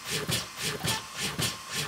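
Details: Rhythmic pulsing from a corpuls cpr mechanical chest compression device running while its therapy settings (compression depth, frequency) are adjusted in a tutorial.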